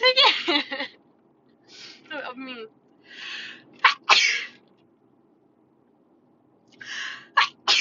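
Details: Girl at a pool sniffling to bring on sneezes, from a compilation of girls sneezing: several sharp, explosive sneezes, some with a breathy lead-in, separated by short pauses, with music.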